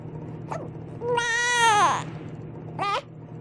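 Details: Infant girl with hiccups, unhappy about them, gives a brief sharp whimper, a drawn-out wavering cry about one second long, then a final short cry; ordinary infant crying.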